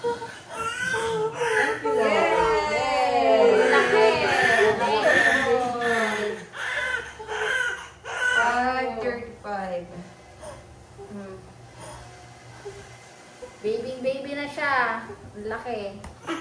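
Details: Newborn soon after a normal delivery attended by a midwife: strong, wavering cries in bursts with short pauses; a normal vigorous first cry.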